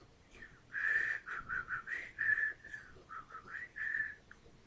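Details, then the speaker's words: Adult with severe right-sided Bell's palsy, onset 13 months earlier with total paralysis of right face, head and neck, now largely recovered; a thin, airy, broken whistle, weakened by incomplete lip closure as some facial muscles still fail. "I still have a problem with a few muscles in through here that don't work totally I can't whistle"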